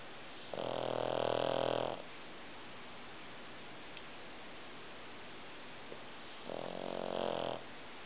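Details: Two long, loud, rattling snores about six seconds apart with quiet between them: snoring during sleep.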